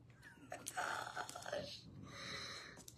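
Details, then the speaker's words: A sleeping pet dog, described as her crafting buddy who had a long day, snores loudly in two rough, rattling breaths with a faint whistly edge in a quiet small room. "And my dog is snoring so loud. Can y'all hear that?"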